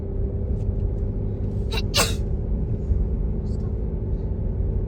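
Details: Sneeze while travelling with kids: a single sharp sneeze burst over steady vehicle rumble; an ordinary sneeze.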